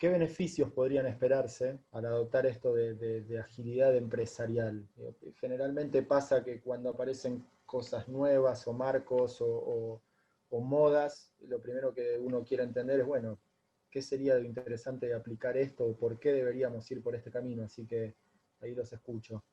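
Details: Adult man speaking Spanish; normal speech.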